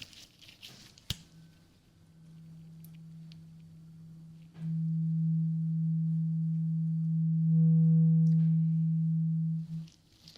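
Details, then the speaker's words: Steady low pure tone sustained about five seconds after a light tuning-fork strike during a simulated (ASMR role-play) ear exam hearing test, one ear checked before the other. "So I have a tuning fork. Okay, and I want you to tell me if you can hear the sound, okay?"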